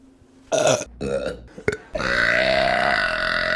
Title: Burping Compilation December #2 | RBC